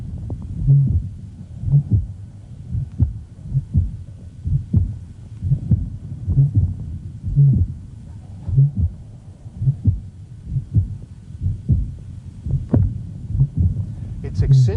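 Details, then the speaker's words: Woman with an abnormal mitral valve: heartbeat about 60 a minute with a low, honking tricuspid regurgitation murmur that changes with her breathing effort. "by her ventilatory effort because of the increase in right ventricular blood volume it has a very distinctive character says like a honk"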